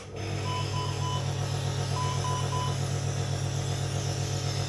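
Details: Baby with Down syndrome in the NICU with wheezing, chest congestion and respiratory distress, receiving nebulizer therapy and oxygen support: steady low motor hum of a running nebulizer compressor with faint beeping tones in the background.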